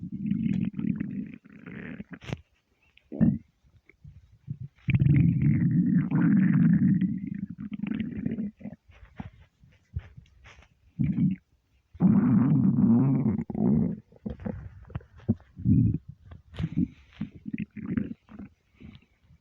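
Repeated low gurgling rumbles with short quiet gaps between them: ordinary stomach rumbling from an empty stomach.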